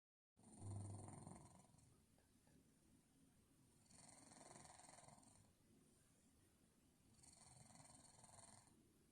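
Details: Sleeping cat resting on its owner's leg, snoring: soft, rough, low snoring sounds about every three seconds in a quiet room.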